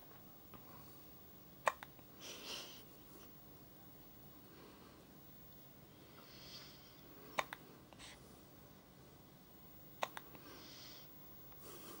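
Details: Baby hiccups after a breastfeed: three brief, sharp hiccups spaced several seconds apart, about ten a minute, over quiet room noise.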